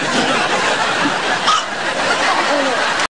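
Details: Eight-month-old baby with hiccups: a single short hiccup-like catch, mostly masked by loud room noise and nearby voices.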